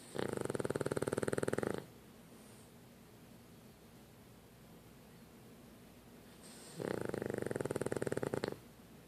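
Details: Duke snoring: two long rattling snores with a fast fluttering quality, separated by quiet breathing.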